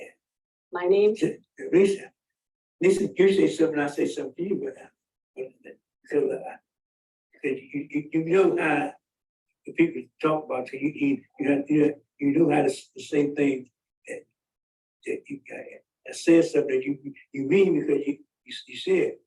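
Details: Man with aphasia who reports he cannot get out the words he wants although he understands everything; his speech is described as so hard that few people understood him.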